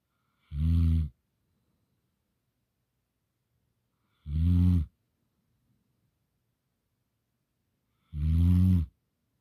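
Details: Large sleeping Gampr dog snoring: deep, even snores about every four seconds, near 16 a minute, with silence between them.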